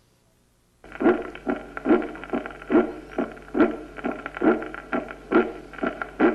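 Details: Clangorous (tambour) second heart sound at the aortic focus, as in aortic dilation from atherosclerosis, aneurysm or syphilis: a regular heartbeat near 70 a minute with a loud, ringing, trumpet-like second sound.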